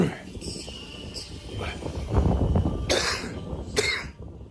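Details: Several harsh irregular cough bursts from an adult man walking home from a bar, described as snot, coughing and phlegm, with background noise and faint music.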